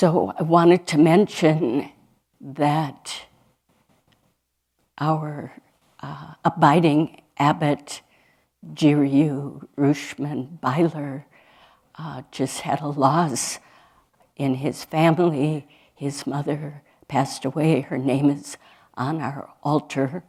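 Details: Adult woman speaking; ordinary speech.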